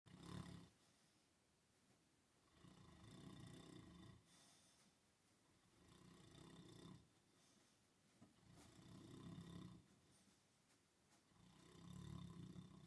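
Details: Low, rumbling snoring repeating about every three to four seconds, roughly 16 breaths a minute, in a quiet room; a companion fell asleep listening to it.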